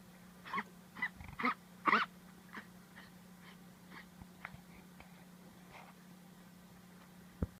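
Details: Miniature dachshund diagnosed by vet with bronchitis: run of harsh coughs and wheezy breaths fading into quieter noisy breathing; later recovered with antibiotics and cough medicine.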